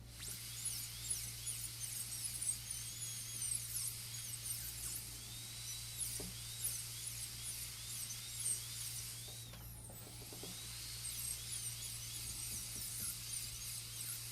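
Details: Steady high-pitched whine of a high-speed dental drill with a flat-end cylindrical diamond doing occlusal reduction for a full gold crown preparation on tooth #30, a model tooth, with low room hum behind.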